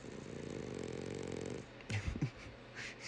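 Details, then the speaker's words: French Bulldog passed out asleep after riding along: one long, low, rumbling snore, then snorting breath sounds; loud dog snoring, joked to need a CPAP. "Boy is passed out. Gone. Passed out. Snoring. Dang, man, you might need a CPAP or something."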